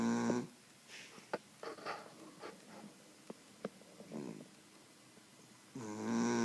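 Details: Brief whistling, nasal snore sounds at the start and end, with soft snuffles and clicks between: light snoring.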